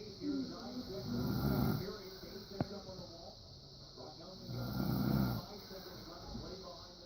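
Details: Adult man (a father) snoring: low rattling snores on breathing in, about 17 breaths a minute, over a steady hiss; ordinary snoring.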